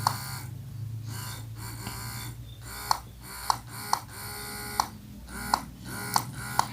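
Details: Electric breast pump after 3 months' use, touchscreen unit with lactation, pumping and massage modes, up to 20 pressure levels: low motor buzz in repeating suction cycles ending in sharp clicks, about 23 a minute.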